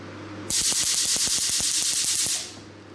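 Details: Picosecond laser machine firing at maximum frequency and highest speed: a rapid run of sharp snapping pulses, about nine per second, over a loud hiss.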